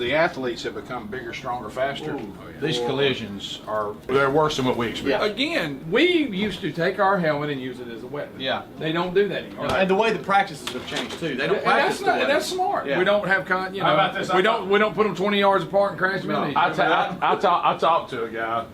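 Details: Adult men talking in a studio conversation; ordinary conversational speech.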